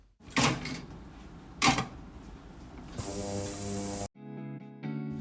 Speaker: That was the sound of RAF dental instruments going into an ultrasonic cleaner, which removes debris and protein from instruments prior to sterilisation.